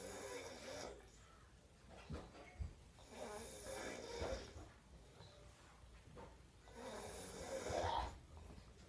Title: Snoring bro be like!!! 😂